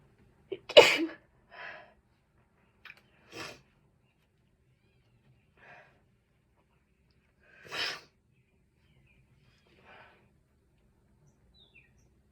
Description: im allergic to something in one of the rooms in my house & this is what happens when I just ~exist~ in the room